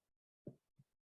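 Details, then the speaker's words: Chest percussion demonstration: infraclavicular first intercostal space over the upper lung lobes gives a resonant note, compared with the dull note of percussing the clavicle bone. "van a percutir Sí y eso que ustedes percutan va a ser sonoro si quieren percutánse la clavícula y bajen para comparar si la matidez del Hueso y la sonoridad del pulmón"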